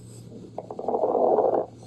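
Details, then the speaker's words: Demonstration of fine crackles: soft, high-pitched, brief crackling pops over a single breath, described as occurring in pulmonary edema, early pneumonia, interstitial lung disease or heart failure. "तो fine crackles जो है वो क्या है? Soft high pitched brief crackling sound."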